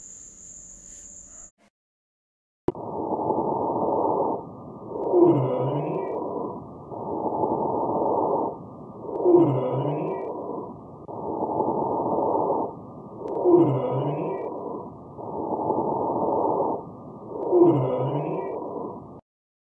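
Breathing at about 15 a minute, with several high musical tones together on each out-breath: polyphonic wheeze.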